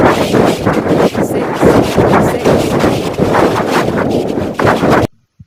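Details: Loud rushing background noise that rises and falls, from the final fifth step of an online digits-in-noise hearing test played over speakers rather than headphones; spoken digits to be picked out, none clearly heard.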